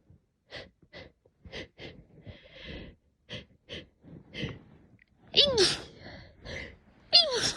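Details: A run of short sharp sneezes and catching breaths ending in two louder sneezes, on waking after a cat slept on the pillow of a person terribly allergic to cats, with swollen eyes and running nose.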